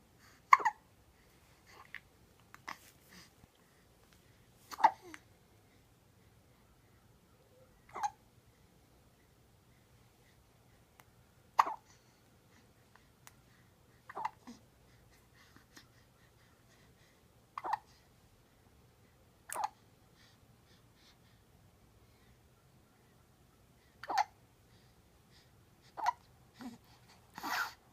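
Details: Pet Geronimo gives brief sharp catches every few seconds, about 11 in half a minute: hiccups.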